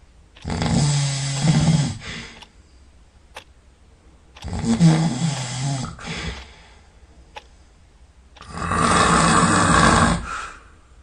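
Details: Sleeping individual, sound asleep and snoring all night: three long, loud, rumbling snores about four seconds apart, roughly 15 a minute, with quiet pauses between; snoring.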